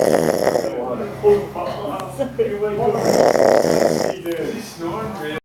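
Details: Sleeping person snoring loudly and continuously, with rough, fluttering, voice-like tones and little pause between breaths; snoring.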